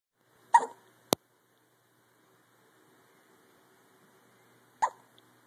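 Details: Two short, abrupt gulping hiccups about four seconds apart in a quiet room, with a sharp click between them.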